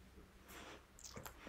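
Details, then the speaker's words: Dog's sneeze in a quiet room, the first time the owner has heard it sneeze: a soft airy huff followed by quick, sharp snorting bursts. "Mon chien qui éternue, c'est la première fois que j'entends éternuer."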